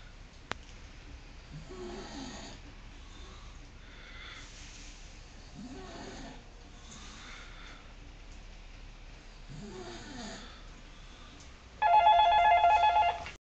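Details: Person snoring loudly: repeated low, rough snoring breaths about every four seconds in a quiet room, ending with a brief loud noise; ordinary snoring.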